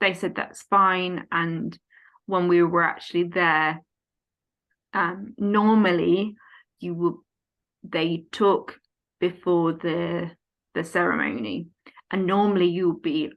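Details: Aphasia in an adult woman following a stroke at age 18, now 14 years post-stroke, affecting speech, reading and writing long emails, and numbers; conversational speech.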